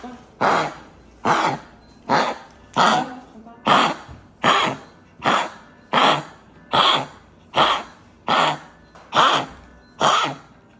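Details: Dog with tracheal collapse: run of about thirteen harsh, honking coughs in quick rhythmic succession; tracheal collapse cough.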